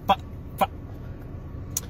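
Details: Vocal tic in an adult man with Tourette syndrome: two abrupt clucking sounds, fitting simple vocal tics.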